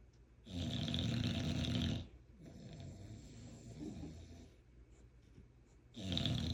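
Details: Loud, harsh, rattling snores on each breath with quieter gaps, about 10 breaths a minute, from a bulldog snoring with its eyes open; heavy snoring.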